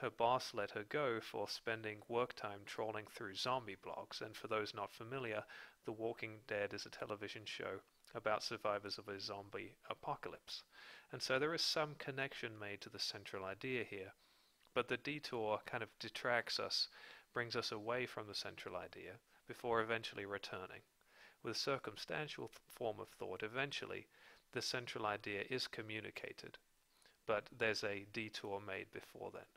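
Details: Adult male narrator; normal speech.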